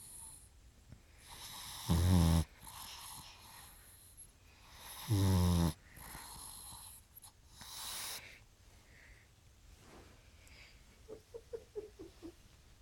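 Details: Snoring in a sleeping pug: two loud, rattling snores a few seconds apart, with quieter snuffling breaths between and soft snorts at the end.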